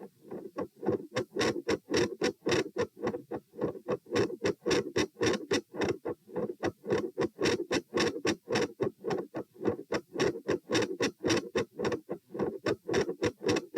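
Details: Heart sounds recorded at position P while sitting, standing, then sitting again, rate 96-108-96 bpm; phasic variation in S1 and S2 intensity with split S2.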